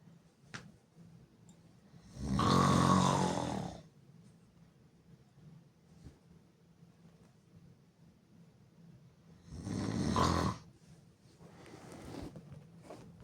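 Two loud, harsh, rattling breaths in about 13 seconds, with quiet pauses between; heavy open-mouth snoring.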